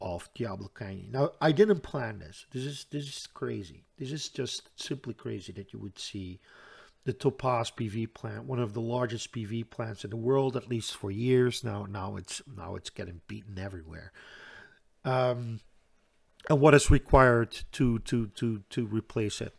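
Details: Stuttering in a man who reports a stutter that is audible all the time, a type in which he always hangs up between his words.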